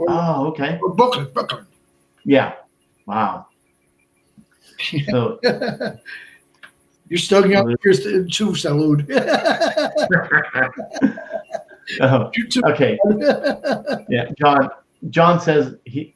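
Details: Adult man, stroke survivor and heart transplant recipient, with Broca's aphasia for over 8 years since a stroke in March 2011; speech limited to short utterances, laborious word-finding, verbs harder than nouns; Broca's aphasia.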